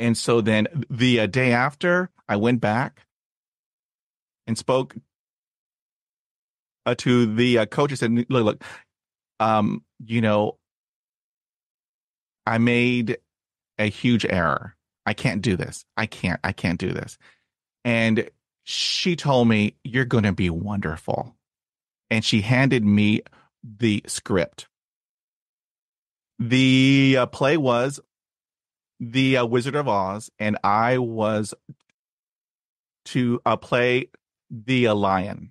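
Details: Stuttering since childhood in an adult man, with speech therapy at age 5 and in his 20s; blocks and repetitions, especially on cold reads.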